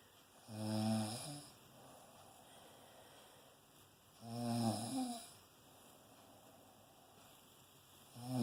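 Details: Cuddly, warm and loud snoring: regular soft, buzzing snores about 16 a minute with quiet pauses between breaths in a quiet room.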